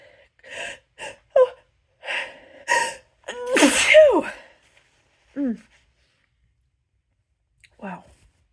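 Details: Loud, powerful sneezes with hitchy buildup: several quick catching breaths build to one forceful sneeze, then soft sighs.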